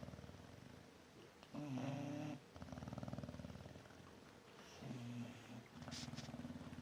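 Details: Sleeping Chow Chow snoring, with a Newfoundland also asleep: low, rattling, fluttering snores with short pauses between breaths.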